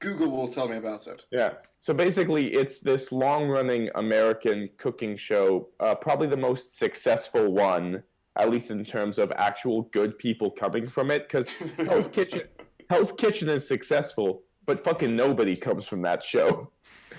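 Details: Adult man; Typical speech.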